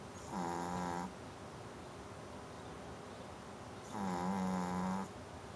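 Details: Pet snoring while asleep: two long, low, buzzing snores about four seconds apart over steady room hiss.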